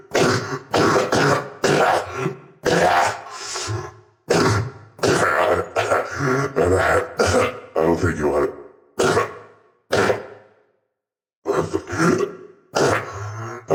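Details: Genuine coughing from an adult who is really sick and believes they are still contagious: a run of about a dozen harsh, rough coughs in quick bursts.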